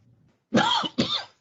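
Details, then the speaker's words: Two quick, fairly loud adult coughs with sharp onsets and a slightly harsh, throaty quality in a small room. "just in time to hear the cough anyhow um thank you mayor"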